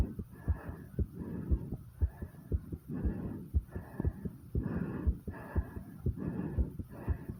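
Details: Rapid, regular thudding heartbeat at about 118 beats a minute with heavy breathing behind it, recorded after 50 squats; a fast heart rate after exercise.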